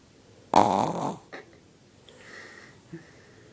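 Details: One loud, rough snort-like snore followed by a softer nasal sound from a Chihuahua snoring really loudly, at times with his eyes open.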